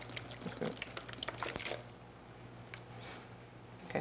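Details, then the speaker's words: CNA skill demonstration: brief splashing and trickling as urine is poured from the narrow edge of a bedpan into a graduated cylinder, then read at eye level at 275; quiet room noise. "once the test Observer has poured the urine into the bed pan we have to pour it into the graduated cylinder so that we can read it"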